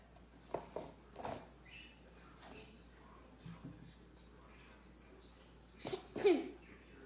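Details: Young child gives several short, dry coughs in quick bursts after insisting on tasting cocoa powder despite warnings; reflex irritant cough from the inhaled powder.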